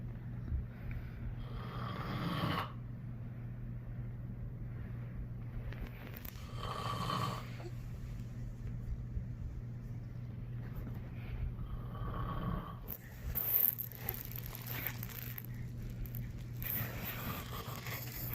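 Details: Adult man, a father, snoring loudly while asleep: loud rasping breaths about every five seconds, roughly 12 a minute, over a steady low room hum; snoring.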